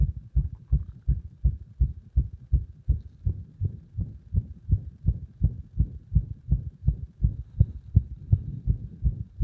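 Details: Loud, rapid, muffled heart sounds recorded with pressure applied, with uneven spacing from frequent irregular beats (arrhythmia).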